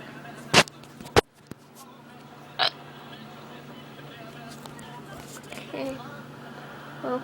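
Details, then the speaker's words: Several sharp, abrupt throat catches in quick succession against room hum, then softer sounds; genuine, not faked, hiccups in a person who says episodes often last from 10 minutes to 2 hours. "I get hiccups a lot a lot it can last for like two 2 hours to 10 minutes"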